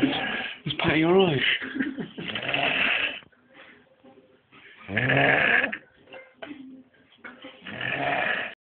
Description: snoring like a train